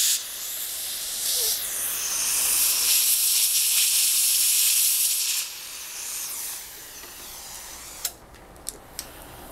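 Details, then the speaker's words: Dental air-water syringe rinsing a patient's central incisors after hydrochloric acid–pumice abrasion for hypocalcified stain removal: loud spraying hiss, then quieter suction hiss with a few clicks. "And just some silica or pumice, some sort of abrasive. We'll just give that a rinse. It's fine."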